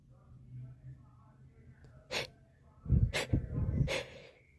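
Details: Sneezing attack, tagged as allergies or hay fever: three sharp, explosive bursts in quick succession, each with a caught breath before it; a run of sneezes.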